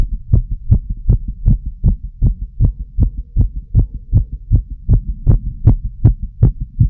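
Strong, regular lub-dub heartbeat through a stethoscope, roughly 80 beats a minute.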